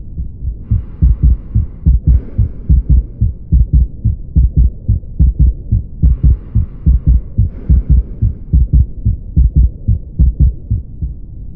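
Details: Normal heart sounds in a clinical examination recording: regular low paired heartbeats at about 72 a minute.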